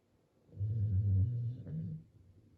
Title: My baby Sumo (American Bully) Snoring Like and Oger seriously lol YES DOGS SNORE LOL 😂